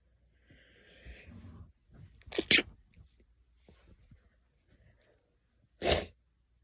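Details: Soft breathy lead-in, then two quick sneezes and one more sneeze a few seconds later; ordinary repeated sneezing.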